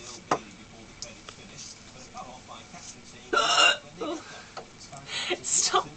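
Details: Woman with hiccups: a few sharp, abrupt gulping hiccup sounds among quiet background noise and faint voices; hiccups.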